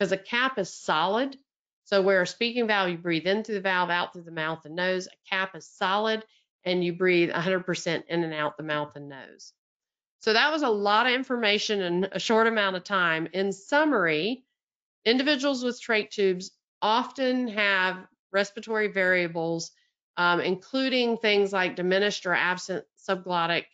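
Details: Adult woman speaking; normal speech.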